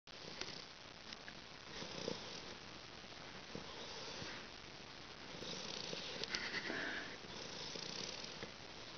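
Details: Soft, fluttering snore-like breaths rising and falling in gentle swells from a sleeping Soft Coated Wheaten Terrier puppy; snoring.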